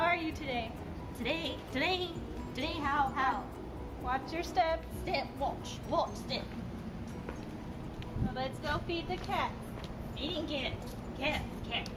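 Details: Transcortical sensory aphasia following a significant head wound, with echolalia (repetition of words and sentences).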